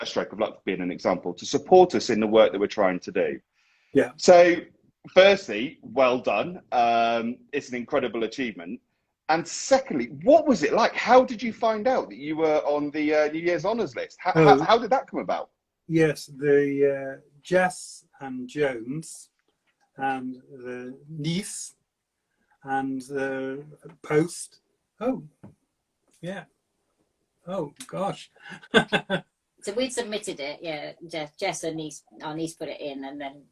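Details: Man with aphasia for seven years since a stroke at age 50, speaking in fragmented, non-fluent speech; non-fluent aphasia.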